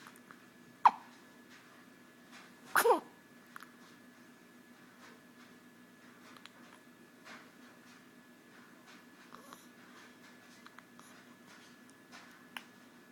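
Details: 3-week-old newborn gives one sharp hiccup, then a small sneeze, followed by faint hiccup ticks in a quiet room; infant sneeze and hiccups.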